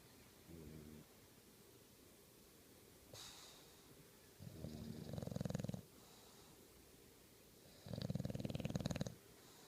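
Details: Turner, an English Bulldog, snoring: loud, low, fluttering rattles about every three and a half seconds with breathy hisses between.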